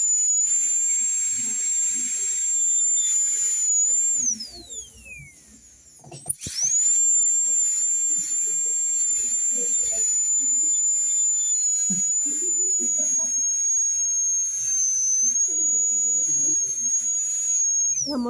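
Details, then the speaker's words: Steady high-pitched whine of a high-speed dental drill with a long, fine-grit, round-ended tapered bur on the labial face of an anterior tooth for a veneer, briefly stopping and restarting, with faint talk underneath. "Vamos a tomar el diseño de la misma fresa, pero esta vez en grano fino. Y es la troncocónica de punta redondeada de longitud larga, para que me abarque toda la cara vestibular."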